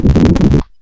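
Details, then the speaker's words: Continuous heart murmur in an animal, likely from combined valve insufficiency and stenosis: brief unbroken low rumbling heart sound with no clear quiet gaps. "muy probablemente este sonido cardíaco es de alguien que tiene ambas tanto insuficiencia como estenosis y entonces aquí un soplo continuo"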